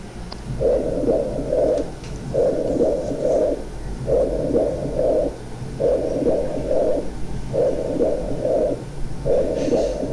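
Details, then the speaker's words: Stethoscope over an area of pleural effusion while the patient whispers "1, 2, 3"; the whispered counts come through clearly and intelligibly: whispered pectoriloquy from pleural effusion. "Vamos entonces a colocar el estetoscopio pidiéndole que diga 1, 2, 3 cuchicheado en el área de derrame pleural, y esto es la pectoriloquia áfona."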